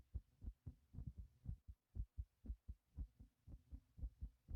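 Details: Quick, strong two-part heartbeat at roughly 120 beats a minute right after lifting a heavy object; normal fast rhythm after exertion.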